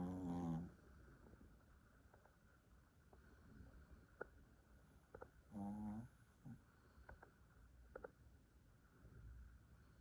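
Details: Pet dog snoring loudly in sleep: two loud, rumbling snores a few seconds apart, with soft breathing and small clicks between; ordinary snoring.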